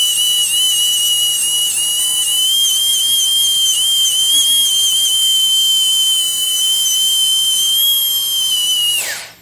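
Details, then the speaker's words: Continuous shrill, whistling whine for about nine seconds, then winding down: a high-speed dental drill with a shoulder prep bur cutting a lower canine during crown preparation to correct slight wall divergence. "We'll go back to our shoulder prep burr, and if you see, there's still a little bit of divergence."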